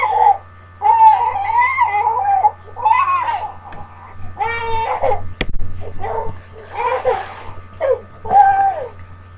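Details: Infant whining and crying to be picked up: short, rising and falling cry bursts with breaks between, against a low room hum, ordinary fussy crying.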